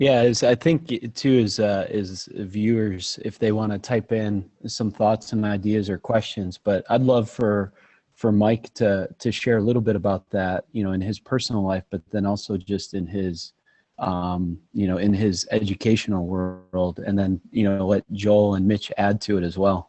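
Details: Adult man speaking; normal voice.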